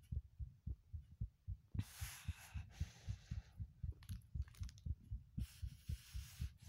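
Steady low thumping heartbeat at about 118 beats a minute, with bursts of hiss over it.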